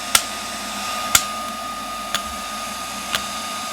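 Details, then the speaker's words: Extracorporeal shockwave therapy (ShockWave Pro) self-applied to the wrist and thumb with the larger tip number two and ultrasound gel, felt more comfortable: sharp clicks about one per second over a steady hum. "so now i'm gonna put on number two and see how that one feels on my wrist and then so i hit pause now i'm gonna hit start again so this is number two"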